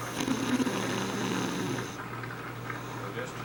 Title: Snoring Grandma Part 1